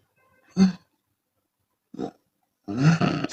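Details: Short, loud, throaty snorts followed by a longer rough breath with noisy exhalation, from a Chinese woman snoring with her mouth open.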